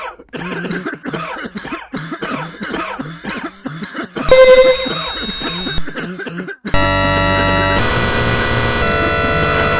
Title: *cough *cough *cough *cough *cough *cough *cough *cough *cough